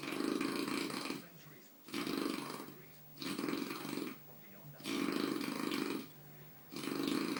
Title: king of snoring